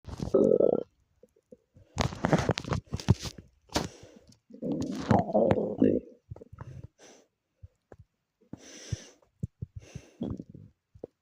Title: my stomach growling 😭